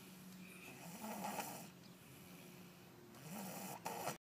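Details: Two slow, rough, low-pitched snoring breaths over a few seconds against faint room noise; snoring.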